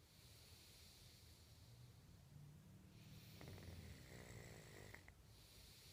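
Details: A sleeping person gives a low, rumbling snore over steady room hiss, with a brief snort midway; recorded in 2014.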